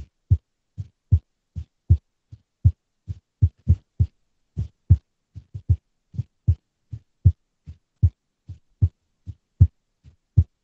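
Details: Female resting heartbeat, described as unstable, recorded with a simple microphone or headphone. Soft low thumps near 77 a minute, some beats early and paired, others delayed: an irregular rhythm with arrhythmia and abnormal beats.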